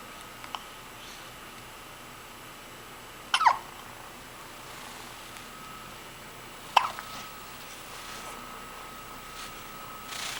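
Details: Two brief, sharp hiccup catches about three seconds apart against a steady quiet room hum; hiccups.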